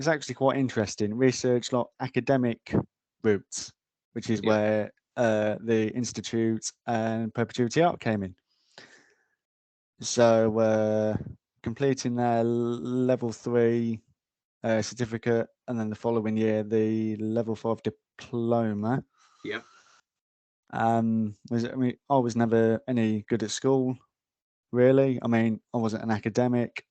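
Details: Adult male frontline security officer with a stammer; stuttering.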